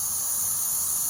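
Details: A steady, high-pitched gas hiss while the oxygen cylinder circuit is bled through a Draeger Reanimator F120 ventilator, during setup of a TI500 Globe-Trotter transport incubator for nasal CPAP transfer.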